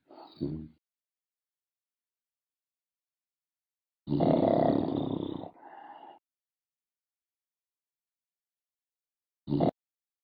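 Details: Snoring with loud, rough snorting bursts and long silent gaps: a harsh rattling snort through the nose and throat.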